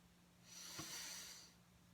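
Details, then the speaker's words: Deep-breathing exercise demonstration: patient relaxed with shoulders loose, hands on lower ribcage, takes one slow, airy deep inhalation through the nose before a two-to-five-second breath hold. "we're gonna shock the patient too deep to breathe through the nose"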